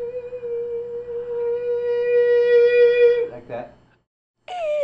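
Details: Person with segmental vocal cord vibration (tin whistle voice) asked to sing louder; a squawking voice break occurs, the squawking adjustment of segmental vocal fold vibration.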